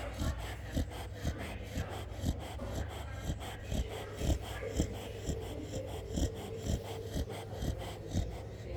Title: chow chow dog snoring in sound sleep